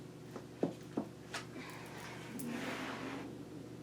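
A few faint clicks, then a soft low gurgling rumble: ordinary stomach growling from gas and fluid moving through the gut.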